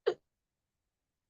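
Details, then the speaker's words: A single abrupt, brief hiccup in a quiet room from an adult who had been drinking soda earlier and blames it for the hiccups. "there goes hiccup oh hiccups sorry"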